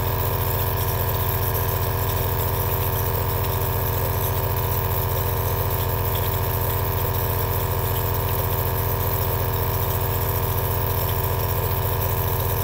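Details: Steady running sound of an aerosol nebulizer compressor, from a long relaxing ASMR recording.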